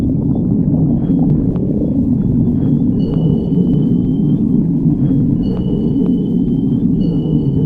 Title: stomach growling